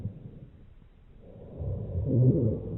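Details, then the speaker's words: Low-pitched rumbling, snoring-like sounds over the chest during breathing during a thorax and lung exam; rhonchi from secretions in large airways, as seen in bronchitis. "secretions in large airways, as seen in bronchitis."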